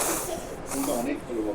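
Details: Continuous hissing spray with faint voices in the room during an older woman's dental teeth-cleaning appointment; dental air-water spray.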